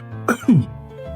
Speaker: Makan bakso pedas sampai batuk-batuk.